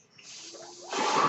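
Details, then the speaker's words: Home mechanical ventilator running audibly in the background while its user, an adult man, introduces a podcast and speaks over it; home mechanical ventilator sound. "Hello everyone, my name is. That noise you're hearing is my ventilator, and welcome to Page Turners They Were Not, my Star Wars podcast."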